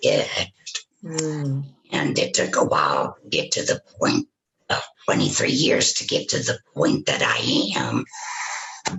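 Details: Tracheoesophageal speech from a woman after total laryngectomy for throat cancer with vocal cords removed, speaking through a tracheoesophageal puncture (TEP) voice prosthesis.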